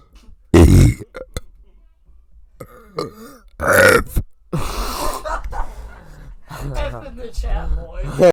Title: ABC's! but its burping